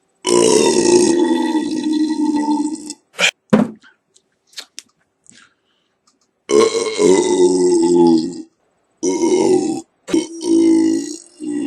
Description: Just doing a burp compilation 2 for christmas hope you enjoy it.